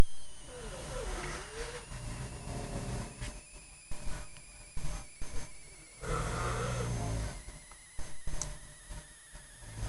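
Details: Two adult parents snoring at the same time at night, keeping a listener awake. Snoring.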